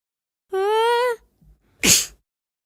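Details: Simulated cartoon sneeze, a hyena character helping another character sneeze: a drawn-out rising sung tone, a short catch of breath, then a loud explosive burst.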